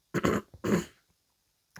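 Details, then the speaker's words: Adult woman clears her throat with a short, harsh voiced burst, then brief low voiced sounds, in a small quiet room; her voice is deeper after a health problem damaged her vocal cords; throat clearing. "excusez-moi mon chat est à côté de moi et j'ai un gros chat dans la gorge je vais reboir un coup peut-être que ça va aller mieux"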